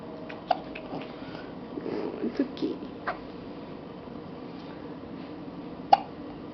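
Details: Infant's first hiccups: two sharp, brief hiccup sounds about five seconds apart, with faint sounds in between in a quiet room.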